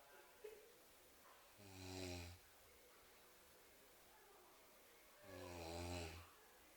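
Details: Two long, low, vibrating snores on the in-breath, about three to four seconds apart, with quiet breathing between; ordinary snoring.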